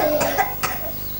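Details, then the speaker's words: Two short cough bursts from a sweaty child at a 1991 gathering in Melbourne, with a tone in the background; a plain cough. "Who is coughing among children? Come. Can you get some eucalyptus oil? Ah, what happened to you? You are coughing, eh?"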